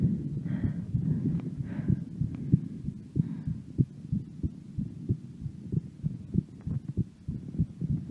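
Dull low thumps repeating steadily under rustling noise; a heartbeat recorded while the breath is held.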